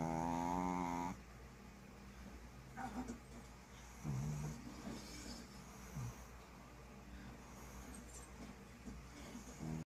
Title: When your dog snore louder than an actual human being 🤣🤣🤣💀